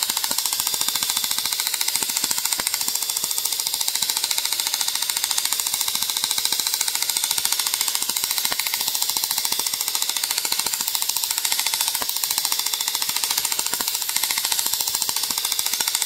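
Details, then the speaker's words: Self-treatment with a personal radial shockwave device on the gelled wrist for chronic tendinitis or myofascial strain: rapid, steady sharp clicking pulses, about two a second, with hiss as the device fires. "Here's how to use the personal shockwave device to treat tendinitis, chronic tendinitis or myofascial strain affecting the wrist tendons."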